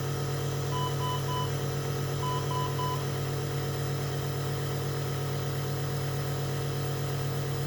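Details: Baby with Down syndrome in the NICU with wheezing, chest congestion and respiratory distress, receiving nebulizer therapy and oxygen support: constant low mechanical hum of a running nebulizer compressor with a few faint short beeps in the background.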